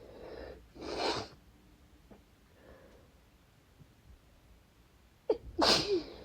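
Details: Person with a badly tingling nose, cause unknown, giving two wet, forceful sneezes with sniffles, breathing and a bit of dry coughing; a sharp catch of breath precedes the second. Sneezing.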